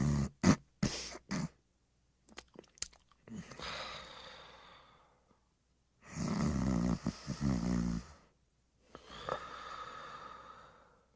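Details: Simulated cartoon snoring by the Pink Panther: lip-smacking clicks, then long rattling snores with whistling outbreaths; acted snoring, not a real sleeper.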